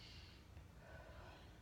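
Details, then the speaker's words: Lung and thorax assessment: stethoscope auscultation of posterior chest while patient takes breaths; single quiet, soft airy breath without wheeze or crackles, no diminished sounds noted; normal breath sounds. "and i have not noted any abnormalities at this time no diminished sounds were noted during this auscultation"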